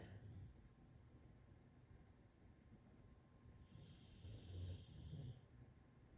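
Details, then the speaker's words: Two dogs snoring while asleep during a relaxation session. "So typically when I start this, once we get going, they fall asleep and they're snoring. So if you hear that snoring, you can just picture 2 nice cozy dogs enjoying their relaxation with their mama."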